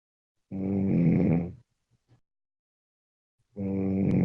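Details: Sleeper snoring, recorded Wednesday 15 March 2017 at 04:17: two loud, low, vibrating snores about three seconds apart with quiet pauses; snoring.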